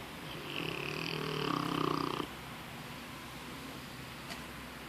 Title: Snoring pup